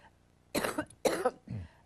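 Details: A person has a coughing fit: two sharp, forceful coughs in quick succession, then a softer voiced cough, followed by an apology and an offer of water.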